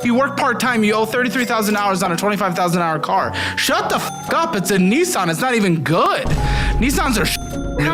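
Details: Adult male speaker; normal speech.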